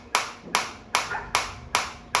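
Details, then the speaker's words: Focused shockwave therapy applicator with intensity being raised toward the maximum of 13 levels while frequency auto-drops from 180 to 150: sharp, evenly spaced snapping pulses, about two and a half per second. "जैसे ही आप intensity को और बढ़ाएंगे। देखिए 180 से 150 आ गया।"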